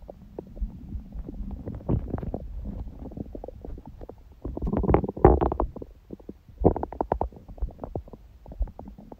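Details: Bowel sounds from the belly after a large meal eaten after fasting and after abdominal exercise; irregular gurgles, rumbles and bubbling pops varying in loudness, typical of active digestion.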